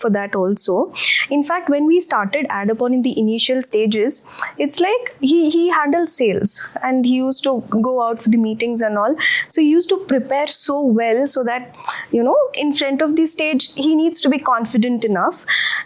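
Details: Adult woman speaking; typical speech.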